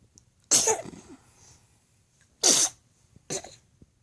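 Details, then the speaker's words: Infant boy sneezing while being fed peaches: three short, sharp sneezes within a few seconds, with quiet between them. "Well, goddamn, what? Are you done sneezing?"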